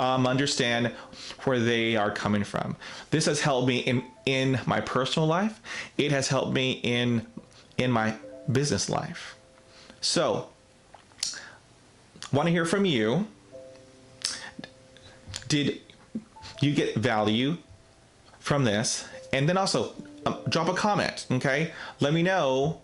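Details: Adult man, real case, self-described person who stutters; stuttering.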